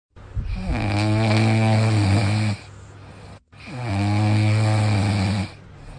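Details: Snoring from a napping German Shepherd dog, with background music.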